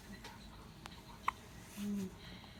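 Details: Baby with hiccups: a single sharp, clicking catch in a quiet room with faint soft sounds around it.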